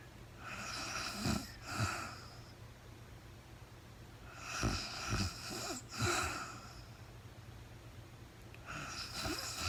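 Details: Real-time overnight recording of a woman sleeping, part of a four-hour recording, no talking: soft, raspy snoring breaths, about three in ten seconds, over steady room hum; light snoring during sleep.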